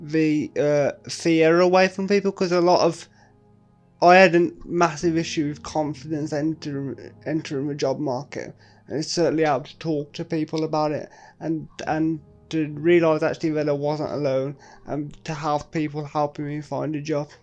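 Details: Man with quadriplegic cerebral palsy; speech shows word repetitions; dysarthria (cerebral palsy).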